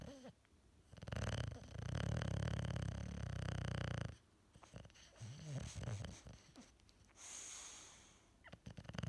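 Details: Bulldog napping in a comfy sleeping position, with quiet parts edited out: loud, rattling, snorting breaths with a fluttering rumble and quieter wheezy sounds between. Snoring.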